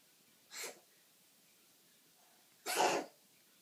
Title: Coughing